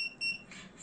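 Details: Two short high electronic beeps from a portable 980nm diode laser machine for spider vein and vascular removal as its settings are adjusted, followed by faint room noise.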